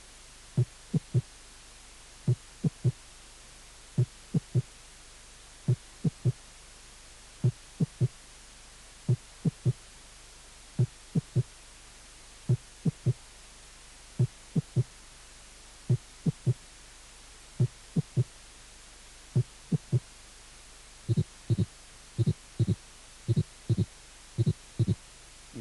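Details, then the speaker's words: Third heart sound (S3 gallop) from a cardiac auscultation teaching course, heard as a low extra sound early in diastole after the second heart sound. "el tercer ruido"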